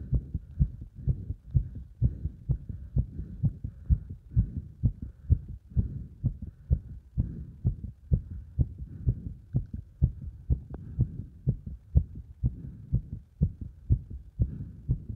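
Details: Heart sounds recorded under exercise load: fast, regular heartbeat at about 128 beats a minute.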